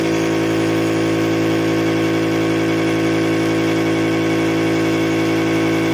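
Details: Loud, steady droning hum of a small compressor motor running without a break during nebulizer treatment for pet pugs; nebulizer compressor running.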